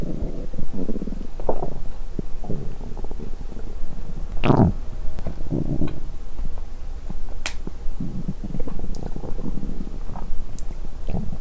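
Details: During a 7-day fast, recorded before bed: stomach rumbling, bowel sounds (borborygmi).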